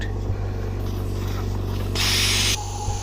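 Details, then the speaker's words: Oxygen concentrator for home use, tube connected to the outlet and flow knob set to about 4–5 litres per minute (maximum 5): steady machine hum with a louder airy hiss of oxygen rushing out. "so here i have connected the tube to the oxygen outlet so i can hear oxygen is coming out i can adjust it just the oxygen flow through this knob"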